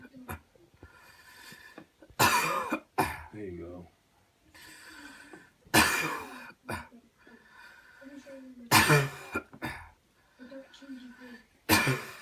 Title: The Cleansing-Healing Coughing Technique Demo 4